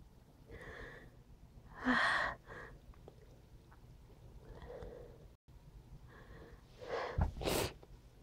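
Several sudden sneezes with sharp intakes of breath before them, the last one the loudest.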